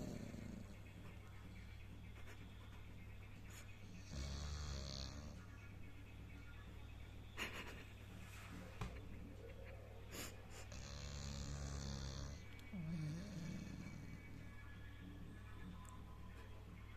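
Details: Pitbull dog snoring in deep sleep: soft, raspy snores on slow breaths over a steady low hum and background noise.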